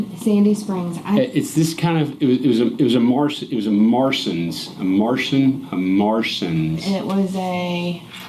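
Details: Adult man with aphasia, conversing with his wife as communication partner; aphasia.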